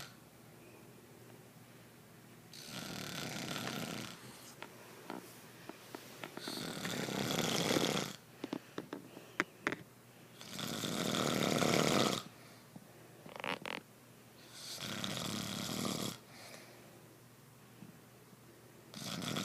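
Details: Adult snoring while asleep as partner tells them to quit: loud, harsh, rattling snores on each breath in, about 15 a minute, quieter breaths out, low room background.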